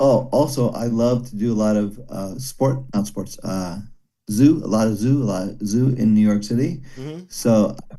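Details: Broca's aphasia in a man after a stroke during heart valve surgery about 17 years ago; comprehension reported intact, speaking very hard; daily speech therapy, improving slowly.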